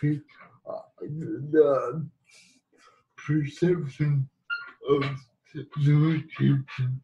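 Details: Adult man living with cerebral palsy who has used a wheelchair most of his life; dysarthric speech in cerebral palsy.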